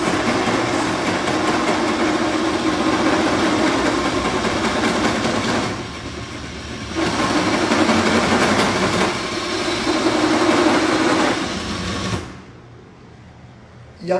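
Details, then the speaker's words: Steady high-pitched motor whine with grinding texture and brief pauses, from a powered acetabular reamer, size 51, scraping diseased osteoarthritic cartilage from the hip socket. Hip-replacement simulation on plastic bones. "e aí em toda a cartilagem que está doente com paciente com artrose então a gente começa com as pequenas e e eu vou pegar alguma a empresa maior fã e aí e aí e pegar para baixo 51 e aqui nós vamos raspar"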